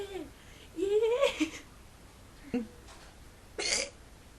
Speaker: I had the hiccups can't stop